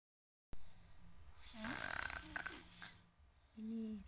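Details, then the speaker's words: A schoolchild who began snoring only after starting Islamic primary school (MI), possibly from school tiredness, makes low rumbling, tonal, throaty vibrating sounds over a few seconds with faint background noise: snoring. "Ini tuh dia ngorok padahal dulu engak ngorok setelah sekolah MI sekarang videya ngorok dulu padahal enggak ngorok guys"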